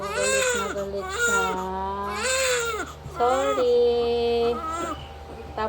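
Strong, sustained wailing cries of a newborn just after birth, with steady room noise behind; a vigorous normal first cry.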